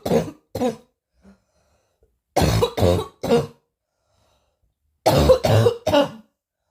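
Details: Eight forceful, harsh coughs in three bursts (two, three, three) with quiet pauses between; a hard repeated cough.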